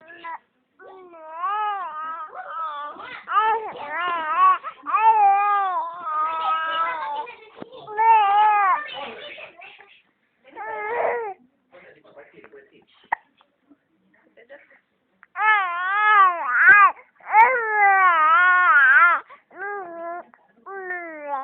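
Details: Infant with hiccups crying: repeated wailing cries rising and falling in pitch, broken by brief pauses and whimpers.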